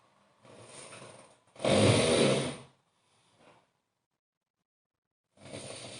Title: snore snore